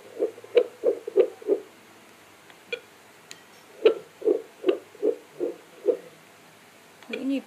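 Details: Home fetal Doppler (Bestman BF-515) recording: fast, regular whooshing pulses about 150–180 per minute, a normal fetal heartbeat.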